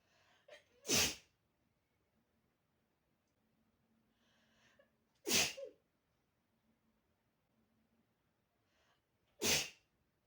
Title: it feels so good to sneeze